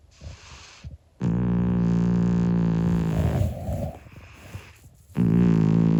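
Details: A 25-year-old calico cat snoring loudly while sleeping.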